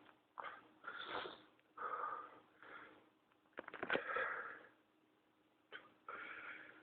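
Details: Adult with pertussis (whooping cough), ill about two weeks and tested, filmed at about 7am: a strained coughing fit with harsh, wheezy gasps between bursts; paroxysmal cough with whoop.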